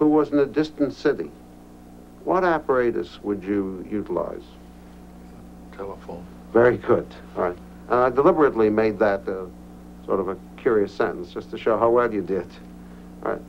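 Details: Adult male clinician speaking, with a brief one-word reply; normal speech.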